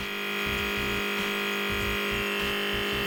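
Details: Children's B.Well nebulizer compressor running continuously with a steady electric hum, faint buzz and low flutter, used with a face mask to treat a young child's strong cough, with saline or prescribed medicine.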